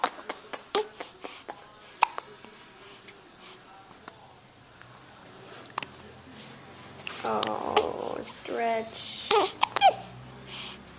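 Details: Repeated short, sharp hiccups from a baby making kissy faces, with an adult talking softly in the background; infant hiccups.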